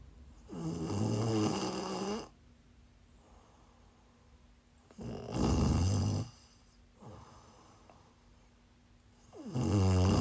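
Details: Person sleeping while sick, loud, rough, vibrating snores on each in-breath, about 14 a minute, with quiet breathing between: snoring.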